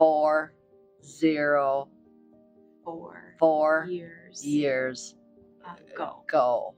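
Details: Woman with aphasia after a stroke about 4 years earlier, who worked to regain her speech, reading prepared replies with help; aphasia.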